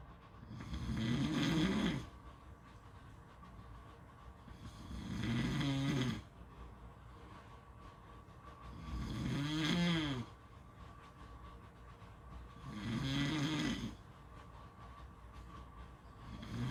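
Four rattling snores at about 15 breaths a minute, each on the in-breath, with quiet out-breaths between; steady adult snoring.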